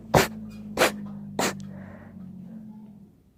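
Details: Three sharp, explosive sneezes in quick succession over a steady low hum; loud sneezing.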